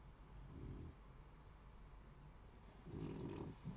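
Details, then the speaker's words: Snoring from a tired female pet dog asleep nearby, loud enough to be heard during recording. "Vous entendez? C'est un truc de dingue. Et ce matin, toute la vidéo. Et j'ai beau le... Elle est fatiguée, cette pauvre chienne."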